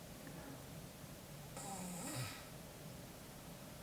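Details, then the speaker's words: Boyfriend asleep nearby while she does her makeup; she remarks the snoring is very loud: one soft, rough snoring breath from a sleeping adult in a quiet room. "Tiếng ngáy to quá?"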